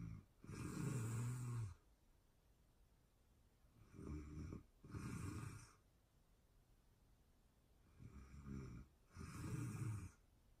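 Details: Sleeper recorded in real time for ASMR: regular, low rattling snores on the in-breath, each followed by a quieter out-breath, about every four seconds in a quiet room; ordinary snoring.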